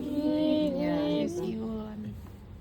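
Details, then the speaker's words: Vocal imitation of wheezing (mengi), the whistle-like sustained tone heard in asthma, voiced as a teaching example of an abnormal breath sound. "Kayak suara peluit gitu ya."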